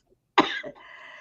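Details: Cough: a single harsh, abrupt cough from an adult woman during an online talk show, with a little low background noise; another participant calls it disgusting and jokes about vodka.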